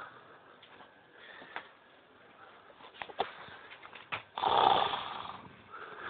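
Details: A man snoring while asleep, with music and applause in the background.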